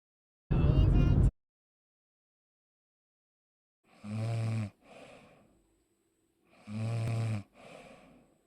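Rough, rattling snores on breathing in, each followed by a softer breath out, with quiet pauses between breaths.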